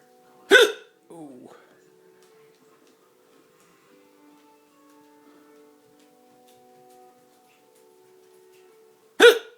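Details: Two sudden, sharp hiccups about nine seconds apart with quiet music between, from a person with two broken ribs who has a severe hiccup problem; hiccups.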